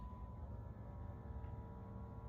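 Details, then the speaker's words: ZOLL Zenix monitor non-invasive blood pressure started via the NIBP button. The arm cuff is placed over the brachial artery, with the arm below heart level. Steady low pump-motor hum as the cuff inflates, with a faint background tone. "And then you start the blood pressure just by tapping the NIB NIVP cuff section right on the bottom left corner of the device."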